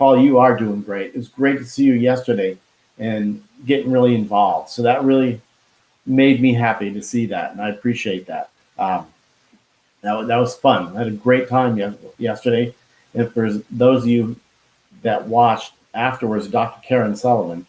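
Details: Expressive aphasia after a stroke in a man who could not talk at first and still loses words.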